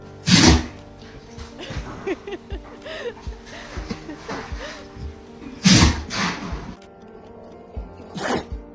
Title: Dog sneezing #dog#funny#funnyanimals#funnypets#animals #dogsofttiktok #pet #foryou #longervideos